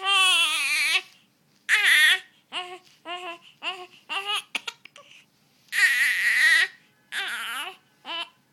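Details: One-month-old baby crying in loud, high-pitched bursts with short gasping pauses between cries; infant cry.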